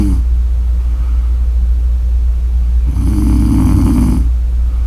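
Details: A single rough, fluttering snore lasting over a second, over a loud, steady low hum; snoring.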